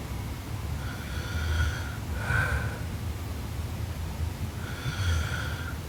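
Loud, rasping, fluttering snores, three in about six seconds, each lasting roughly a second over steady noise; heavy snoring during sleep.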